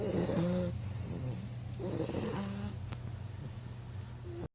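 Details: An 11-week-old bulldog puppy snoring: loud, continuous, rough snoring with a whistling edge on each breath.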